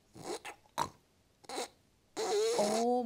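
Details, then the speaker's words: Sleep specialist imitating hypopnea: brief, strained snorting breaths separated by pauses, as if air barely gets through and breathing is about to stop. "막 숨이 끊어질 것 같은데. 숨이 겨우겨우 들어가죠."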